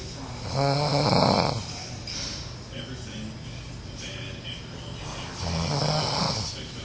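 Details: Uncle snoring: two loud, rough, low buzzing breaths about five seconds apart, with quieter breathing and faint room hiss between them.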